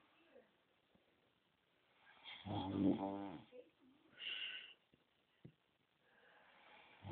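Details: Sleeping person snoring: a single rattling, fluttering snore on the in-breath, then a softer breath sound.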